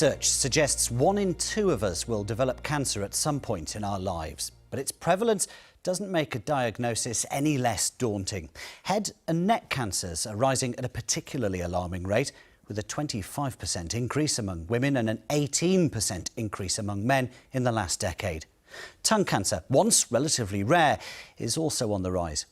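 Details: Adult male narrator; typical speech.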